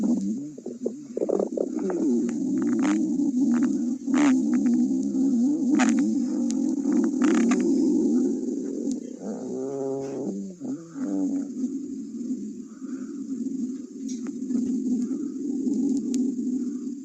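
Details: Stomach growling (borborygmi) from a cat: a continuous low gurgling rumble with bubbly shifts.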